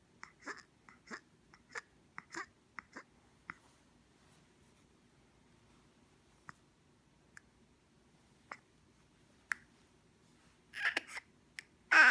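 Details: Infant with Pierre Robin Sequence, in her first six weeks, phone recording: repeated short clicking and snorting catches, then sparse clicks and harsh noisy gasps as the tongue obstructs the airway, relieved by repositioning face down; upper airway obstruction.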